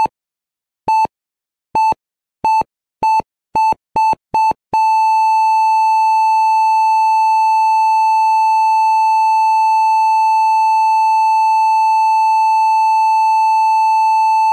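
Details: Heart rate monitor sound effect: beeps that quicken, then merge into one continuous unbroken tone, a simulated flatline.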